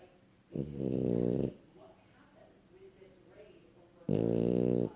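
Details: A dog snoring: two loud, rough, buzzing breath sounds a few seconds apart, with quiet breathing between.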